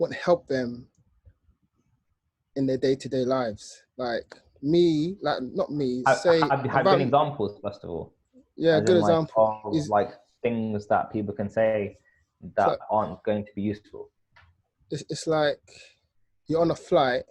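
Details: Stuttering in an adult man who has had a lot of speech therapy; finding: stuttering.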